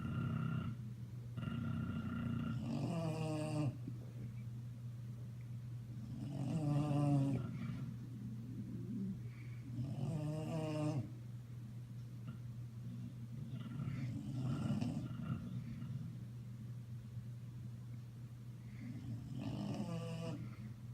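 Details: Two Bulldogs sleeping together, loud rough overlapping snoring with snorts and rattling breaths against a steady low hum.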